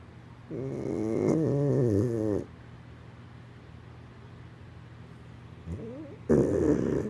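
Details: Loud, rattling snores with long pauses between breaths, over a steady low room hum.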